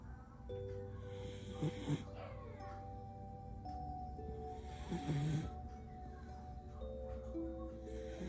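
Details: A sleeping Border Collie gives two short snorting snores a few seconds apart over steady background music; dog snoring.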